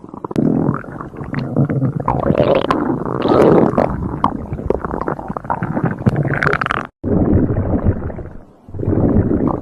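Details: Stomach growling (borborygmi): loud, long gurgling and rumbling from the belly with brief breaks.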